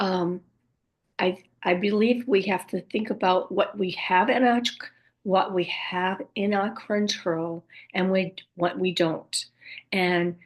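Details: Woman with aphasia and apraxia of speech after a stroke at age 58; she reports speech sometimes hard to understand and, especially early on, repeating words over and over to get them out; aphasia with apraxia of speech.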